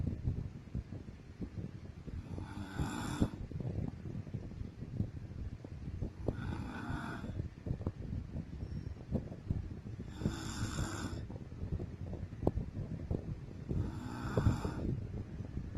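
Four regular snores about every 3.7 seconds, roughly 16 breaths a minute, over steady room hiss; ordinary sleep snoring.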